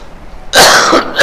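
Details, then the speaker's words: Cough from an adult male religious speaker during a sermon; he says he suffers from a cough illness and his voice is already cracked, apologizing to the audience. "کھانسی کا مرض ہے، اس لیے میں معذرت طلب کرتا ہوں آپ سے، بات ہی ہو جائے تو غنیمت ہے۔"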